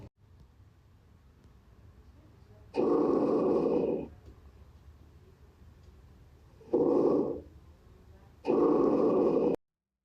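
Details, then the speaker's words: Normal tracheal breath sounds heard with the stethoscope bell over the trachea on the front of the chest: loud, harsh, hollow sounds on both inspiration and expiration. "La oscultación de la parte anterior del tórax comenzaremos por la tráquia. Esta vez lo haremos con la campana del estetoscopio y lo colocaremos de esta forma. Debemos escuchar."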